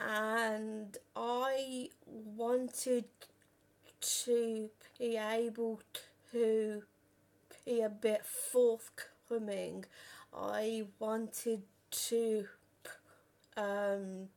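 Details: Real stuttering in a 32-year-old woman who has stammered since about age five or six; had speech therapy and learned breathing techniques at 15; reports still being at her worst on the phone.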